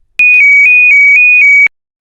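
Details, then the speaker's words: ZOLL LifeVest wearable cardioverter defibrillator, first-responder training: loud alternating two-tone siren warning it has detected a ventricular arrhythmia and is preparing to treat, with voice prompt; shock usually follows in 25–60 seconds. "if lifevest has detected a ventricular arrhythmia and is preparing to treat the patient the two-tone siren alerts will be accompanied by this voice prompt"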